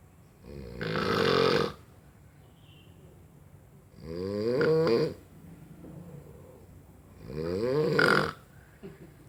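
Three loud, rough, fluttering snores on the breath in, about 18 a minute, with quiet pauses between; ordinary snoring.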